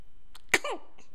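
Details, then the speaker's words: Cat sneezing: one sharp, explosive sneeze after a faint intake of breath, in a quiet room. "oh bless you bless you"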